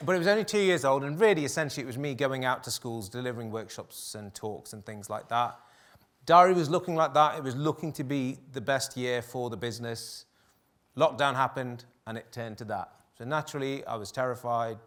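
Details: Adult male speaker; normal speech.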